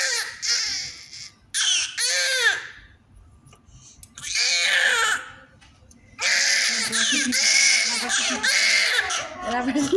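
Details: Repeated high-pitched wailing cries with short pauses from a newborn baby's first crying, in a small room; newborn cry.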